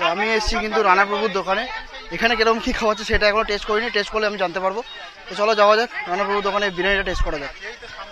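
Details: Adult speaker; normal speech.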